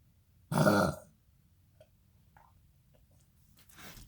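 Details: Dog with kennel cough: one loud, harsh, honking cough, then quiet with faint noises and a softer breathy burst while the owner comforts him.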